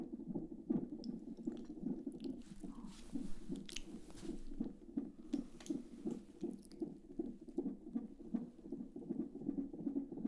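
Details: Simulated ASMR midwife check-up a few weeks after the 12-week scan: fetal heartbeat on Doppler, fast rhythmic whooshing pulses near 158 per minute, described as sounding good with no concerns.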